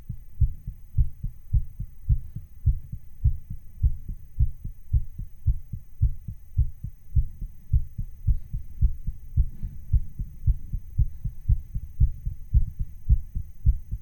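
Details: A person's own real heartbeat recording, artificially sped up: steady, quick, low heart thumps at about 107 beats a minute, looped; rapid heartbeat (artificially sped up).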